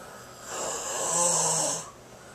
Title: The sounds of snoring